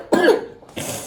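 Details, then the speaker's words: Wet, strong cough from a young girl who caught a virus at kindergarten; a family doctor listened to it and prescribed Pulmicort by nebulizer twice daily. "мокрий закашлась сильно"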